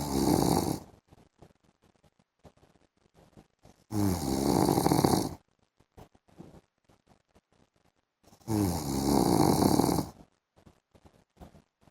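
Loud, harsh rattling snores on breaths about every four seconds, with quiet gaps between; typical snoring.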